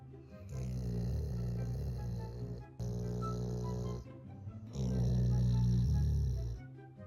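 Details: Sleeping dog snoring: two long, deep rumbling snores, with background music throughout.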